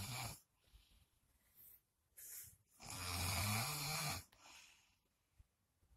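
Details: Harsh snorting snore with a rough rattle on the in-breath, plus softer breath noises in a quiet room; the snorer denies snoring.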